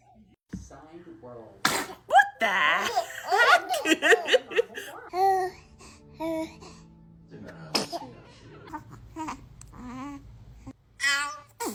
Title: Funny Baby Sneezing Faces 😍 | Cutest Tiny Achoo Moments | Happy Family Clips